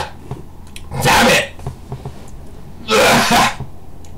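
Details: Sneezing challenge after taking ground black pepper, recorded on a distorting camera mic: two loud, explosive sneezes about two seconds apart, with quiet room noise between.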